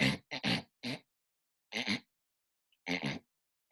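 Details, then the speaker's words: Imitated obstructive sleep apnea snoring: loud, grunting snores broken by silent gaps mimicking breathing pauses as the airway flap closes and stops breathing. "sorry that's what sleep apnea might sound like the person stops breathing through no fault of their own that flap goes closed in their windpipe and keeps them from breathing"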